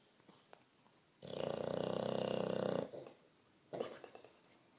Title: Oscar Norman, the snoring bulldog